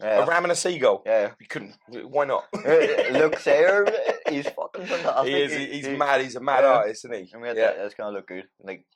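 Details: Adult male speaker; ordinary speech.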